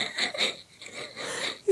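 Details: A woman sick with bronchitis, with throat and lungs clogged with phlegm, laughing: hoarse, wheezy, breathy laugh bursts with a rasping, whistling edge, likened to a foghorn.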